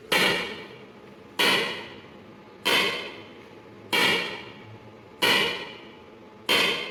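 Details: Extracorporeal shock wave lithotripsy (ESWL) of a left kidney stone focused by C-arm fluoroscopy, delivered through a fluid-filled membrane: loud, sharp slapping cracks at about 47 per minute, each fading quickly, sounding like something breaking.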